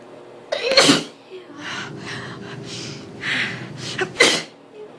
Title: Nose blowing and a couple of sneezes